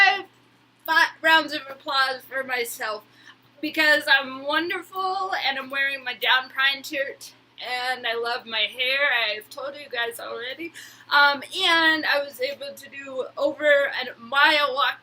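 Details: Woman with Huntington's disease who attends speech therapy; dysarthria (Huntington's disease).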